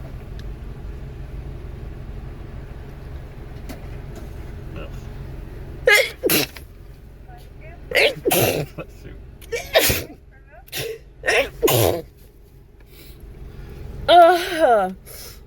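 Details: Girls sneezing uncontrollably during Covid-19 nasal swab tests: several sharp, explosive sneezes with quick breaths between over low traffic rumble; sneezing triggered by nose swabbing.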